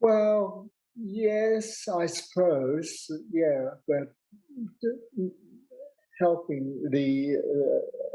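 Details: 65-year-old man with aphasia after a big stroke 10 years earlier, also unable to write or spell; real, not acted; aphasia.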